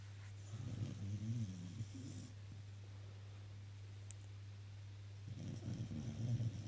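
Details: Sleeping dog snoring: low rattling snores over two breath cycles, over a steady low hum.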